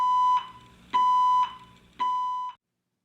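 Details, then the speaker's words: ViOptix T.Ox tissue oximeter alarm: three steady high-pitched beeps about one per second in a quiet room. It signals low signal quality from poor sensor-to-skin contact, with the StO2 display replaced by two red dashes. "when under low signal quality conditions the st2 display will be replaced by two red dashes and the alarm will indicate a PO skin contact between the sensors and the designated skin"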